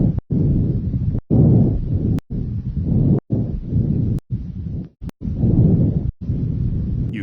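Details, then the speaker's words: Bronchovesicular breath sounds heard over the upper sternum at the first and second intercostal spaces on the anterior thorax: moderate, low rushing sounds with inspiration and expiration about equal. "you should hear Branko vesicular sounds around the upper sternum in the first and second intercostal spaces"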